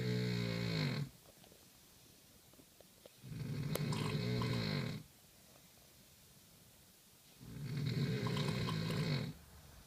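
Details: Loud, harsh, rattling snores on each inhalation at about 14 per minute, with quiet pauses between; heavy snoring.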